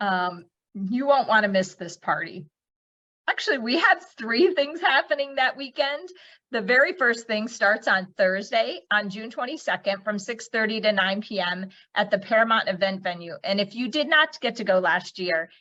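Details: Adult woman speaking; normal speech.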